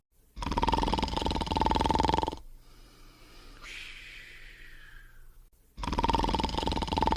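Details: Simulated cartoon snoring from an animated show's bedtime scene: loud, buzzing snores on the in-breath with a whistling out-breath between; not a real sleeper.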